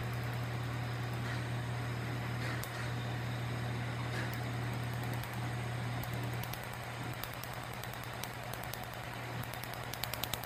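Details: First Q-switched laser tattoo removal treatment on a man with skin type 4, a Santa Muerte tattoo, with cooling applied and the patient reporting little pain: steady low cooling-air hum with rapid sharp snapping laser clicks.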